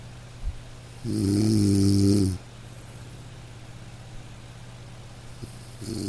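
A single low, rumbling snore from a sleeping dog against steady soft rain; gentle, ordinary sleep snoring.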